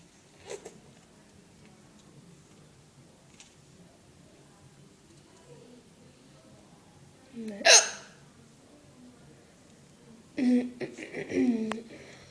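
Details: Loud, weird-sounding hiccups: a few sudden, sharp, voiced catches spaced seconds apart in a quiet room, like 'Peh... Peh'. The person often gets hiccups, handles them poorly and vomits a little with them.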